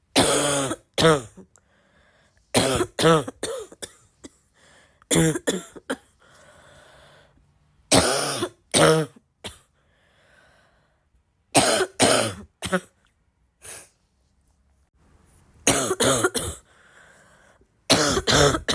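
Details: Sick girl's congested, barky cough: repeated bouts of harsh barking coughs in clusters of two to four, with wet, congested throat noise between bouts.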